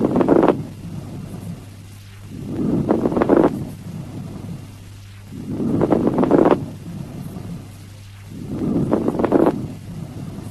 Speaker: These coarse rales may be heard during inspiration or expiration and more commonly at the end of inspiration.